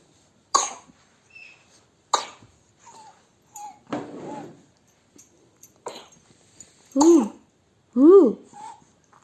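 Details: Young child coughing about five short, sharp coughs a second or two apart, then two brief voiced whimpers, while having a cold.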